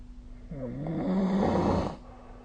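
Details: Sleep snoring: one loud, rough, rattling inspiratory snore lasting about a second and a half over quiet room noise.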